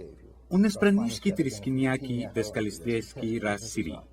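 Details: Acted imitation, not a real patient: made-up 'pirate language' from a Three Stooges comedy, used as an example of fluent aphasia with jargon speech, played twice; fluent aphasia (jargon speech), acted imitation.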